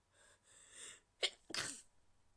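Soft breathy intake followed by two stifled, hissing sneezes held back to stay quiet.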